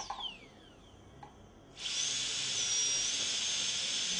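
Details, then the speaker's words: Dental high-speed handpiece starting three depth grooves in the gingival plane of a molar PFM crown preparation, 1 mm diameter tip sunk fully at the margin; quiet room, then steady high-pitched whine while cutting tooth. "I'm going to start with three depth grooves in the gingival plane only first I want my tip to sink in completely"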